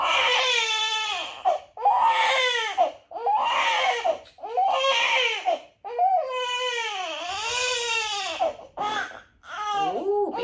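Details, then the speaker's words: Newborn girl with an upset tummy and trapped gas, given gripe water, that her mother can't relieve: loud, high-pitched, repeated screaming cries in a small room; colicky infant crying. "Yeah, her tummy is very upset. I can't get the gas or the poop out, but she is okay when I bounce, pat her back, and sing a song."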